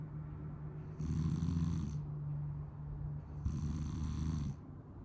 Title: Sleepy snoring